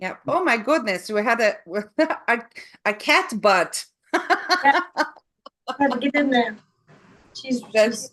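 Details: Woman after a stroke who first had aphasia, with loss of numbers and sequencing, and later developed foreign accent syndrome; word-finding difficulty; foreign accent syndrome with aphasia.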